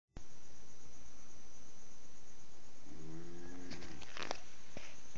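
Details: A single buzzing, rattling snore on an in-breath over steady room hiss, followed by a few clicks, loud enough to keep others awake: plain snore.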